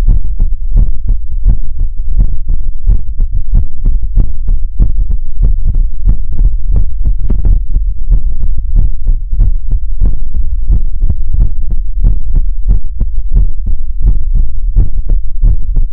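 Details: ASMR heartbeat sounds during a relaxation livestream: rapid, steady, low thumps running continuously, like an amplified heartbeat, with a constant low hum underneath; heartbeat.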